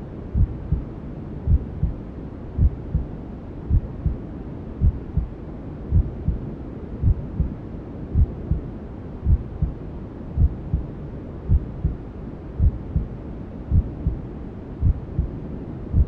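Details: Newborn sleep-aid ASMR: steady low muffled double thumps, about 54 a minute, under constant whooshing white noise, like a mother's heartbeat heard from inside the womb; maternal heartbeat with white noise.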